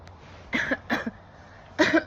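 Three short, sharp cough-like bursts in quiet room noise; a plain cough or throat-clearing.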